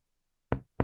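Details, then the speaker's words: Finger percussion downward over the lung toward the liver: dullness where lung parenchyma overlies hepatic dullness becomes resonant again when the patient breathes deeply and holds; two taps, the first a brief hollow low ringing note. "Se da por la superposición del parénquima pulmonar con la matidez hepática. Si el paciente respira hondo y mantiene el aire, vemos"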